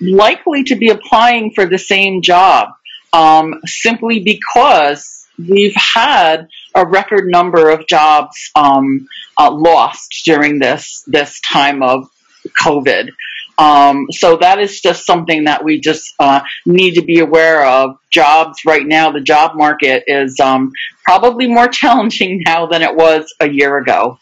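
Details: Real adult who stutters, speaking live in a webinar for people who stutter; stuttering.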